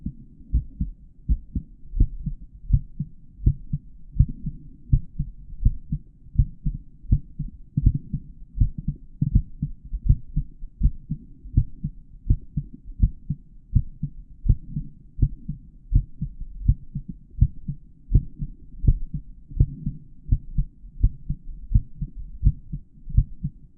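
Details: Normal heart sounds of an adult male, recorded through a stethoscope with a microphone inside the earpieces, while auscultating the heart valve areas: regular paired low heart sounds at about 82 beats a minute.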